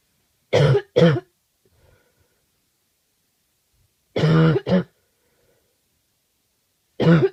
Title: Awful cough